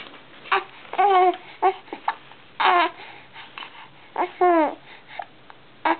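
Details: Two-month-old baby with hiccups: short, abrupt voiced catches, about three dozen a minute, mixed with soft cooing; normal infant hiccups.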